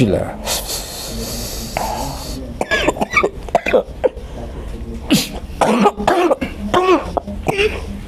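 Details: Patient with a cough said to have persisted for over ten years, attributed by the healer to sorcery, during a spiritual healing session: repeated harsh coughs and throat clearing amid chanting; chronic cough.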